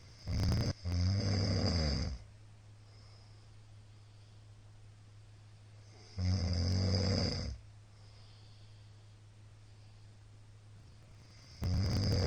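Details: Middle-aged man snoring during sleep, recording of 2022-04-17 (apnea tagged, not confirmed): loud, low, rattling snores on inhalation, about 11 a minute, separated by quiet stretches of several seconds; heavy snoring.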